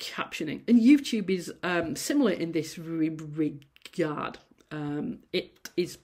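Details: Adult female university lecturer who stammers, giving a presentation, with sound repetitions and prolongations; stammering.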